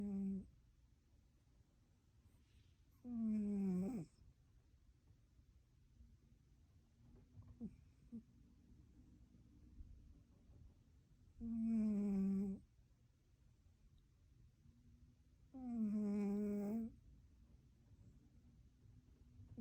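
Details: A male sleeper snores very loudly: tonal snores with a nasal, whistling quality recur about every four seconds over quiet room noise; snoring.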